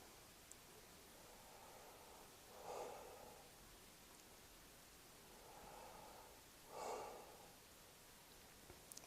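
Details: Two soft, full breath cycles heard through a stethoscope diaphragm on the anterior chest during a lung auscultation sequence, as the patient takes deep breaths: quiet inhalation and slightly louder exhalation, normal vesicular breath sounds.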